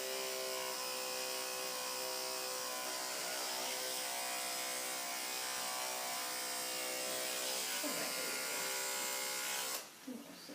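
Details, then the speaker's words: Veterinary patient (female) recovering from surgery, fur clipped around a vein for catheter placement: steady buzzing drone of electric clippers for about ten seconds, then stopping, faint voices in a small room; clippers shaving fur. "The rule of thumb is 2 clipper blades away from the vein. And then put her all the way around."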